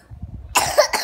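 A child gives two short, harsh coughs over faint background noise.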